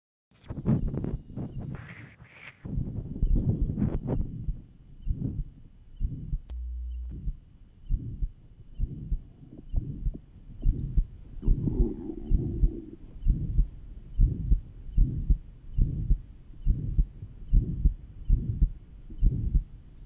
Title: Heart Sound Lab 58-02 (1955). Pure pulmonary stenosis; diastolic "whisp" at 3rd left sternal border.